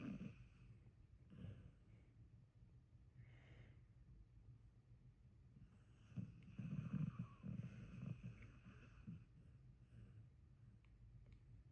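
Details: Sleeping dog snorting: quiet, low, irregular snuffling breaths with a few louder snorting bursts.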